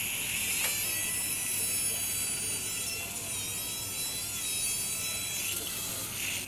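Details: Cadaveric TONES dissection: continuous high-pitched whine with faint gritty pulsing as a high-speed drill cuts skull bone at the middle fossa floor, close to the dura.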